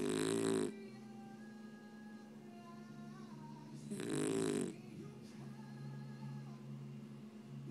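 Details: Scottie snoring: two loud, rough, rattling breaths about four seconds apart over soft background music.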